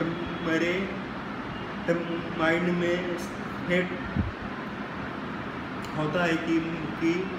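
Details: Male who stammers, says his stammer increased after starting college; stuttering.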